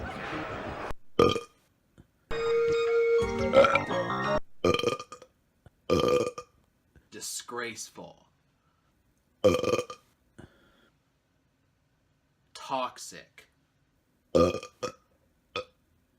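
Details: Repeated burping in a belch montage: a series of short, loud belches separated by silences, with a brief stretch of music between them.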